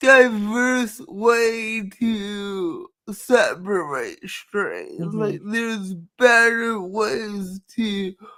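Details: Dysarthria in a woman who states she has cerebral palsy and that nothing can be done about it; finding: dysarthria (cerebral palsy).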